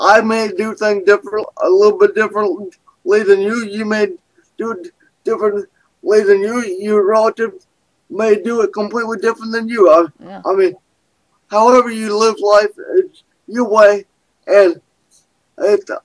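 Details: Adult man with cerebral palsy who uses a walker and wheelchair and describes himself as having a speech impediment, judged by his guest as more impaired than her; dysarthria.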